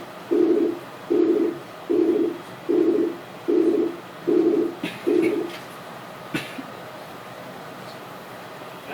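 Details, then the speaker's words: Abdominal bruit demonstration using firm pressure over the aorta, renal, iliac and femoral arteries: seven soft, low whooshing sounds at about 76 a minute in time with the pulse, then quiet; normally no vascular sounds. "next osculate for vascular sound or Brewery using fremmer pressure listen over the aorta Ren artery iliac artery and feneral arteries you should hear no vascular sounds if present a Brey sounds like"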